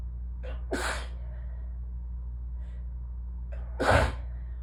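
Two sneezes, each preceded by a short in-breath, with steady low room hum; allergy sneezing.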